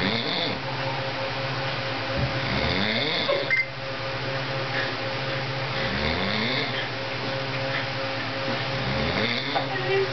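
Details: Rough, rattling snores recur every three to four seconds, about 17–18 a minute, over steady room hum; adult snoring after heavy Thanksgiving eating and drinking.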